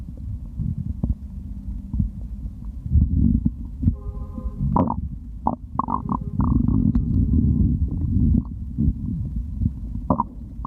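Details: Stomach growling while drinking: continuous low gurgling and rumbling with brief bubbly squeaks, normal bowel sounds recorded for ASMR.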